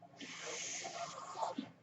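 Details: Steady, airy hiss that rises, holds about 1.5 seconds, then fades: one breath delivered by the speaker's own mechanical ventilator, heard in the background while he talks.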